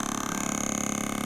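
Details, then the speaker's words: Adult woman with plantar fasciitis for over 3 years, handheld device in vibration mode, not shockwave, moved around the leg to loosen muscle first: steady buzzing rattle of rapid even pulses; radial shockwave therapy device, vibration mode. "it vibrates through and and creates some stimulation to the tissue we get good blood flow with this this isn't necessarily a shock wave this is just vibration"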